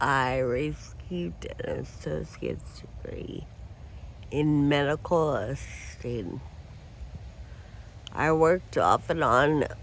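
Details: Adult woman with Friedreich ataxia who uses a wheelchair; her speech may need captions to follow; ataxic dysarthria.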